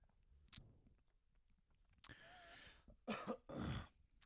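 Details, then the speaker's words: A few harsh, rough coughs with throat clearing in a quiet room from an adult on a podcast who then calls it a wheeze and says he has to quit smoking; smoker's cough. "was a nice wheeze. Did you hear that? I gotta quit smoking."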